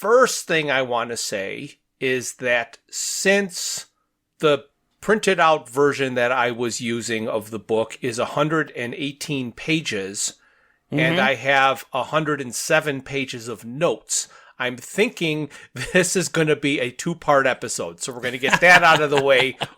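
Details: Adult speaker; normal voice.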